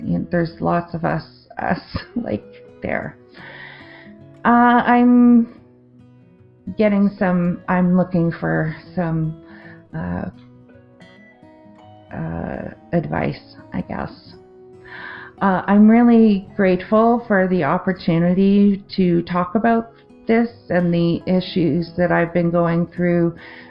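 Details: Adult woman with aphasia after a 2023 stroke affecting the left-brain language centre, with word-finding difficulty, confusion with words and difficulty forming sentences; aphasia after stroke.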